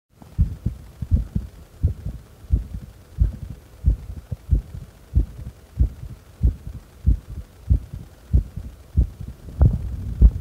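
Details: Steady lub-dub heart sounds at about 90 a minute with no breath noise, recorded during breath-holds after inhaling and after exhaling; normal heart sounds.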